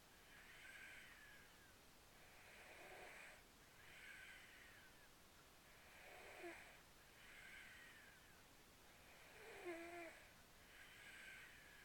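Soft, regular whistling snores with each breath, about 18 a minute, some ending in a small snort; quiet snoring in a sleeping cat.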